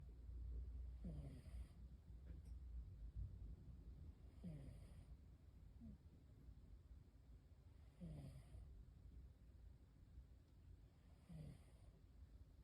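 Soft, rhythmic snoring from a sleeping cat, about four snores in twelve seconds, roughly one every three seconds, over low room rumble.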